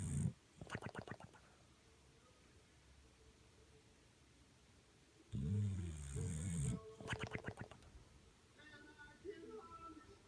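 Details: Sleeping bulldog snoring: loud, low rattling snores with fluttering pulses in bursts between quiet breaths; typical flat-faced dog snoring.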